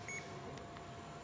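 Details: Short electronic beep over quiet room hum: a patient-controlled analgesia (PCA) morphine pump's confirmation tone while its tubing is being purged during pump preparation.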